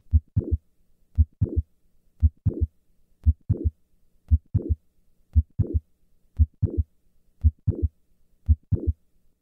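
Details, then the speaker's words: Mitral valve prolapse heard during a standing-to-squatting-to-standing maneuver: regular heartbeat near 58 a minute with a late systolic click and brief late systolic murmur. "listen to the change in the click in the murmur with a squat maneuver I will start in the standing position and then move to squatting and then return to standing"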